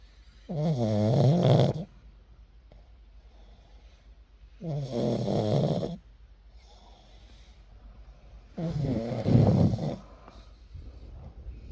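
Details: Sleeping pug dog snoring: three long, loud, buzzing inhaled snores, about 15 a minute, with quiet breathing between; snoring.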